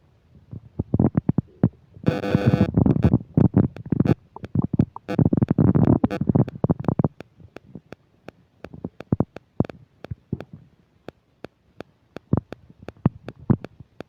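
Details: Loud gurgling rumbles and rapid popping clicks with a burst of mic static, recorded close to the belly while eating a burger and fish fries: loud borborygmi of active digestion.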